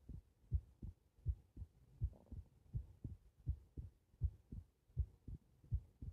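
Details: Heart recorded lying on the back: steady low soft lub-dub pairs at about 80 a minute, regular; normal heart sounds.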